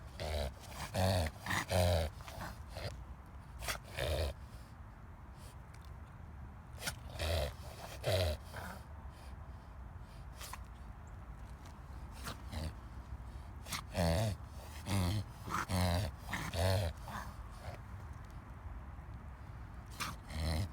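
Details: A dog makes bursts of rapid, loud snorting inward breaths in clusters: a reverse sneezing episode.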